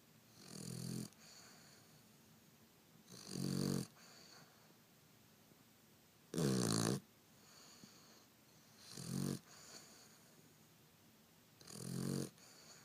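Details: Sleeping female dog makes rhythmic snorting snores with each breath, five over about 13 seconds, roughly 21 breaths a minute; described as snoring like a pig; snoring.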